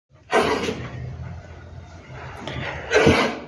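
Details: A pregnant female animal with a deep, choking-like cough that will not eat and seems dazed: two harsh, forceful cough bursts separated by a noisy pause, with a gagging quality.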